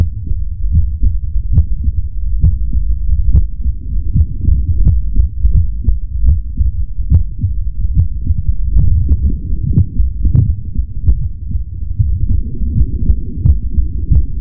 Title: Heartbeat ASMR 2 (black screen)